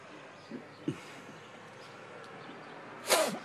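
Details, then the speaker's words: Adult smoker sitting outdoors on a deck hawks up phlegm: a couple of faint throat noises, then one harsh, rasping burst of productive throat clearing. "okay we are out in on Tom's deck and Carol's out here having a smoke and I'm sitting here having a big goober in my throat got to quit that"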